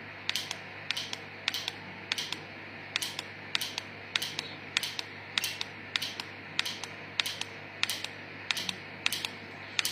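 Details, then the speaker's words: Q-switched Nd:YAG laser with 1064 probe removing a patient's self-made Z-shaped tattoo: sharp, regular snapping clicks, about two a second, as laser pulses fire. "की switch Andy egg laser का जो ये frequency, ये जो वो हम use करते हैं, प्रोब यूज करते हैं, इसको 1064 प्रोब है। ये 1064 प्रॉप से हम फारिग कर लेंगे इसको।"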